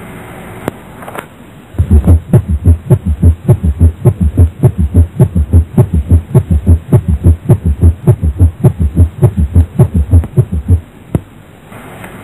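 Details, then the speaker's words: Regular low heart sounds with an extra dull, short, low-pitched third sound about 0.12 to 0.18 seconds after the second, from increased blood flow, giving a galloping rhythm; S3 gallop. "nên tiếng thứ 3 đại lý và được gọi là tiếng ngựa đi"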